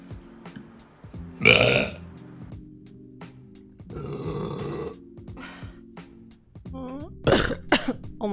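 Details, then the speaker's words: Girl streaming on Twitch coughs and burps: a loud, drawn-out belch with a few smaller burps and gulps over quiet background music. "God that was disgusting I just coughed and burped sorry I was right here that was so loud"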